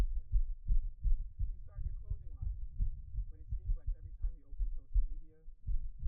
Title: Man's Fast Pounding Heartbeat Picked Up By Mic